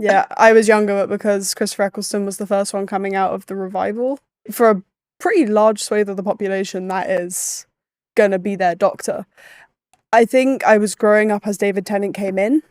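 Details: Adult woman speaking; Typical adult voice.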